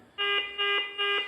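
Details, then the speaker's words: IX5 ventilator (3rd generation) operational training: three repeating electronic alarm tones, tidal volume alarm outside the programmed range (low tidal volume) before limits are adjusted: ventilator low tidal volume alarm. "Para nós ajustarmos esse alarme, vamos acionar a tecla Alarmes, e ele vai abrir toda a configuração dos alarmes. Observem que o meu alarme de volume e corrente está fora da área programada."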